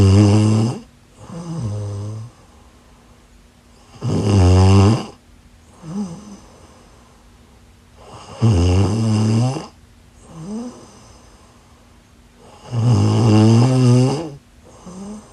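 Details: Person asleep: loud, rough, buzzing snores on each breath in, quieter breaths out, about 14 breaths a minute; heavy snoring.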